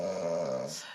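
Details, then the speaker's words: Loud snoring from a sleeping woman, recorded by her husband with the sound unmodified: a single loud, rough, growling snore with a steady low pitch, fading at the end. "Je sais pas comment il fait pour dormir. Sans modifier le son. Là il y a rien de modifié."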